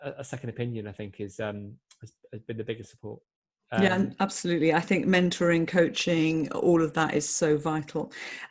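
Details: Adult speakers in conversation; typical speech.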